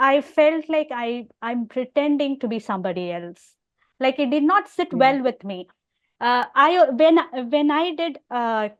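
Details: Adult woman with overt stammering who also has hearing loss; stuttering.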